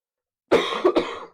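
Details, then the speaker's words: Adult who says he has "a flame" in his lungs and sounds sick gives a short run of three quick, harsh coughs in a small room. ">> It's just It's just a flame I have in my in my lungs. [cough] That's the biggest problem right now."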